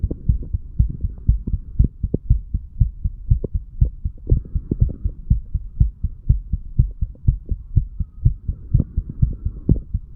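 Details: 35-year-old male under the influence of alcohol, recorded a couple of hours after going to bed, through a stethoscope from the mitral (bicuspid) to the tricuspid area. Steady low thumping two-part beats with faint background hum; heart sounds.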